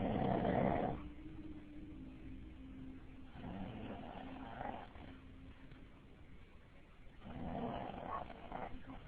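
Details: Very loud snoring, low and rumbling, with a faint nasal whistle between breaths, possibly from a sleeping dog.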